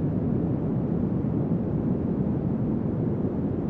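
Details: Generated pink-noise narrow band centred near 200 Hz, heard as a steady low rumbling hiss, used as an audiometric tool to match tinnitus pitch.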